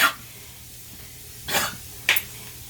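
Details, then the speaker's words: Dog (Pitbull, about 2 years old) coughing when exerted during play: three short harsh dry hacking bursts, a light kennel cough episode that worsens with activity; kennel cough. "And anytime she gets exerted, do you see how she's doing this? Do you hear that? That's kennel cough."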